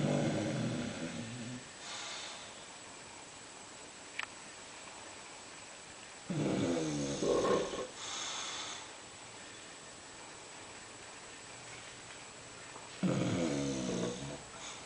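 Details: Bulldog sleeping in the kitchen and snoring: three loud, rattling snores with a snorting, fluttering quality, separated by quiet pauses.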